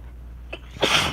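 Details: Sneeze during a rainy, stormy day, after feeling tickly beforehand: a quick catch of breath, then a single sharp, hissing sneeze over a low background rumble.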